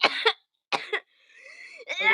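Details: Forceful coughing fit, said to nearly cause vomiting and a feeling of choking: a run of harsh, wet coughs in quick bursts, then a strained, wheezy breath in before more coughing.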